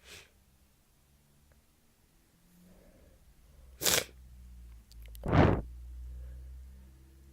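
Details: Two forceful sneezes over quiet room noise, the second harsher and wetter, in a congested person with a cold/flu of several days with fever, sore throat, voice loss, coughing and dizziness; sneeze.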